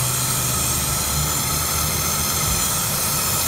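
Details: A DrKare home compressor nebulizer, used with a mouthpiece for up to 15 minutes of treatment, runs with a steady mechanical hum and constant unchanging hiss.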